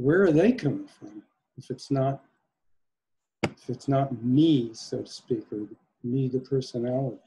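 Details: Adult male speaker; Normal speech.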